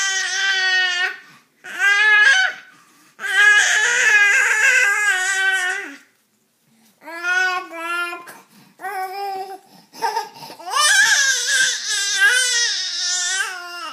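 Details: Baby crying with repeated loud, high-pitched cries, broken by short breaths and pauses. An ordinary infant cry.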